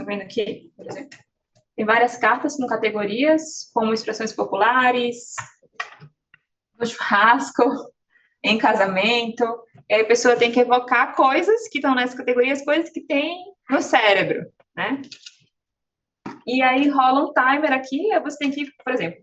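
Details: Adult speaker; Normal speech.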